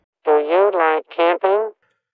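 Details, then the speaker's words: Simulation of poor sound quality as perceived through a cochlear implant. The sentence "Do you like camping?" sounds buzzy, robotic and tonal. "An example of what sounds to me like poor sound quality."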